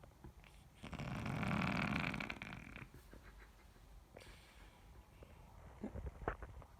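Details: Persian cat snoring: one loud, rattling snore from the sleeping cat, followed by quiet breathing and small rustling sounds in a quiet room.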